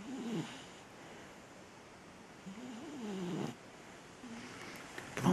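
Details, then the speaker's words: Young golden retriever puppy falling asleep indoors, recently recovered from illness, snores surprisingly loudly for his small size; dog snoring. "But as you can hear, sometimes he snores. God knows what he'd be like when he's bigger. If he's that loud when he's so small."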